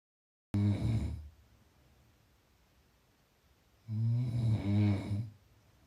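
Two loud, low rattling snores on breathing in, separated by a quiet pause.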